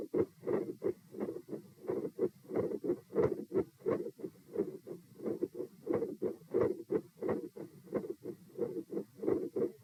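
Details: Normal heart sounds during a stress test recorded at position P (lie-sit-stand-bob-stand), heart rate 84–114 with a relatively low response: steady, muffled paired beats near 80–90 a minute, loudness rising and falling, very phasic.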